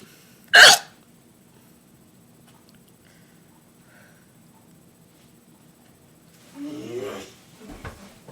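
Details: Painful hiccups during an ongoing bout, shaking the computer with each one; one sharp, sudden hiccup, then quiet room noise and a brief voiced sound afterward.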